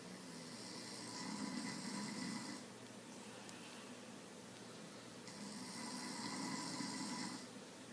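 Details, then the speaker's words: Two long, rough, buzzing breaths about five seconds apart over steady room hiss: very loud snoring during sleep at night. "snores really loud. That's what I gotta deal with tonight."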